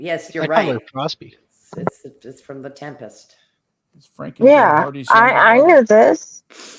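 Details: Adult male speakers in conversation; conversational speech.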